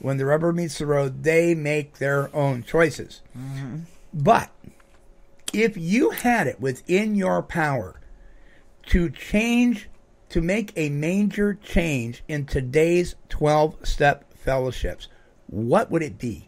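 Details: Adult speaker; typical speech.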